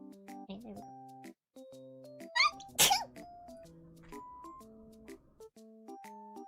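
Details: Cartoon-style imitation sneeze from a dragon character: a single explosive sneeze-like burst over playful tonal music; sneezing.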